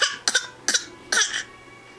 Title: Coughing fit